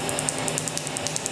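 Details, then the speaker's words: Laser tattoo removal, second session, on a black panther tattoo on the leg, done without numbing cream: steady device hum with rapid sharp ticks, about ten a second, each a laser pulse. "Like, just think of it. Every zap is just going away."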